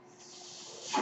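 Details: Speaker's own home mechanical ventilator running in the background while talking.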